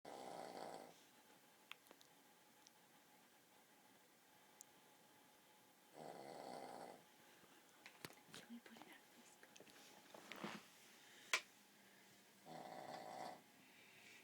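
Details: Boston terrier snoring while asleep: rough, airy snores in bursts about every six seconds, with a quiet room in between.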